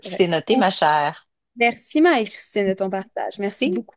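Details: Adult woman speaking French; normal voice.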